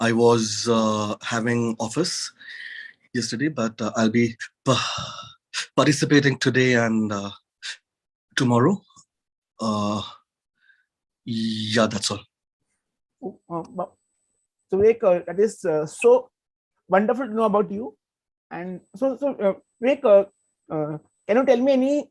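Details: Adult male who has stuttered since childhood, had therapy in 2010, and is working to overcome it; stuttering.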